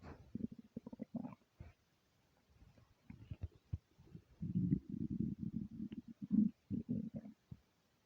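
Quiet bursts of low gurgling and rumbling with short gaps between; ordinary hunger rumbles from an empty stomach.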